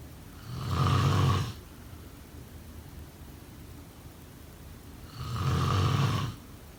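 Two loud, low, rattling snores on inward breaths with quiet pauses between, a slow sleep breathing pattern of ordinary snoring.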